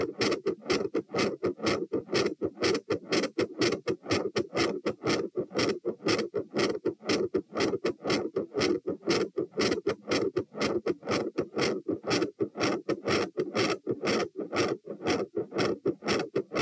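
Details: Heart auscultation at position T during a stress test (lying, sitting, standing, knee bends, standing, lying), rate rising to about 120 bpm: rapid, regular, loud sounds with murmur, split second sound and extra sounds.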